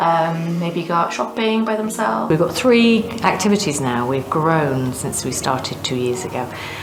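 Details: Adult woman speaking; no disorder.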